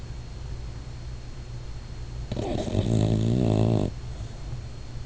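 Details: Sleeping, dreaming dog snoring: a single low, rumbling, vibrating breath sound over steady room hum.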